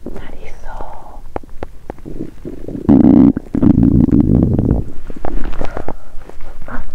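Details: First-time 7-day fast, during early days (days 1–4), woman's empty stomach gives loud gurgling, bubbling rumbles and squeaks, with loud construction noise nearby; typical hunger borborygmi, a normal finding.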